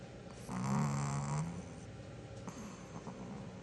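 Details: A single low, rattling snore lasting about a second, then quiet breathing and room noise; ordinary snoring.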